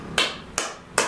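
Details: Shockwave (SoftWave) therapy applicator on a real patient's hip stress fracture, patient lying on left side and feeling it: three sharp, loud snapping taps about 0.4 seconds apart, each fading quickly.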